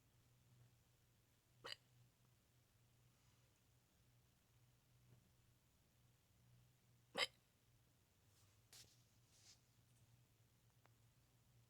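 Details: Adult filming own neck: sharp, sudden gulping clicks, about three in twelve seconds, over quiet room noise; loud hiccups.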